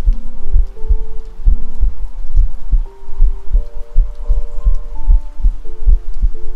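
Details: Self-recorded normal heartbeat with binaural 3Dio microphone, steady regular low thumps about 100 per minute with soft background music.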